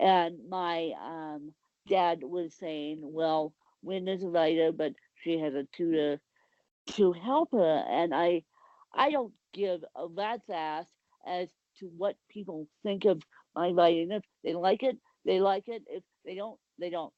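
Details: Dysarthric speech in an adult woman with cerebral palsy; the exact speech difference is not named.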